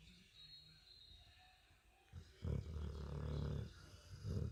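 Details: Sleeping Aussiedor dog snoring like an old man: low, rumbling, fluttering snores, faint at first, then louder in two bursts.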